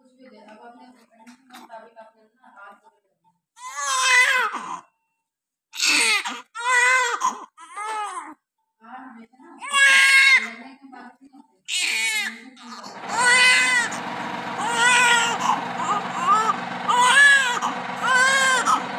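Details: A newborn during nursing care right after delivery gives strong, high, rising-and-falling wails in repeated bursts with gasps between, over a low room hum: a vigorous newborn cry.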